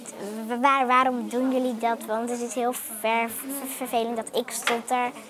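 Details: Stuttering in a 9-year-old girl who sometimes finds speaking difficult; she is in therapy and is doing much better now.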